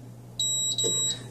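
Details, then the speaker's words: Two high-pitched electronic beeps from an Allied Healthcare AHP300 transport ventilator after holding the button, confirming entry into programming mode for custom or Quick Start modes; ventilator double beep. "you hear a double beep you let go and then you just make whatever changes you'd like"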